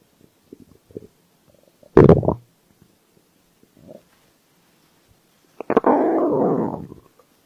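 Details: Stomach growl recorded as a hunger sound: soft gurgles, then a short loud growl and a longer rumbling growl, ordinary borborygmi of an empty stomach.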